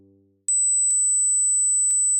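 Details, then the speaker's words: Steady, very high-pitched pure tone from an age-related hearing test, apparently 8,000 Hz; hearing it suggests no hearing impairment at this pitch. "As we grow older, we often lose the extreme ends of our hearing spectrum. So, how many of the following sounds can you hear? How old are your ears?"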